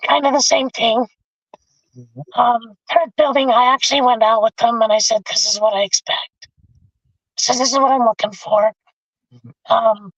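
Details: Adult man with bilateral vocal cord paralysis from a severe injury (lungs three-quarters full of blood); told he would never talk again; tracheostomy removed after 2 months; scope still shows paralyzed cords; over 25 years since onset.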